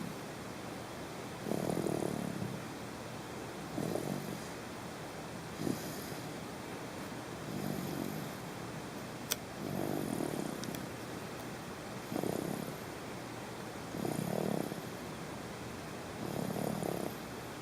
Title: Snoring baby